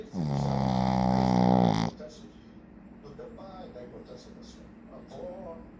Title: Shih-tzu roncando - Shih-tzu snoring. 🤣